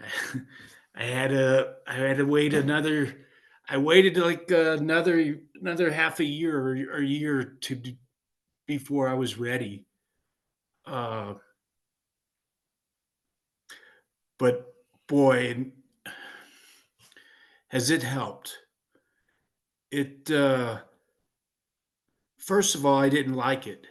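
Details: 56-year-old man with aphasia after a stroke in 2016, choir member; speech with hesitations, fillers and repetitions; aphasia.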